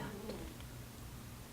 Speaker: That's my cat snoring. You hear it?